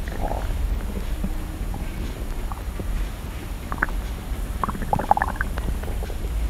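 Low rumbling with gurgles and small crackling pops over steady low noise; ordinary stomach growling.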